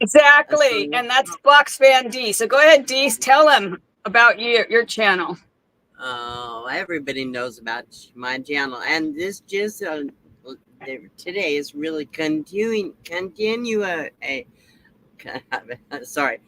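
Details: Adult woman with aphasia after her second stroke, with no paralysis; repetitions and word-finding difficulty are heard.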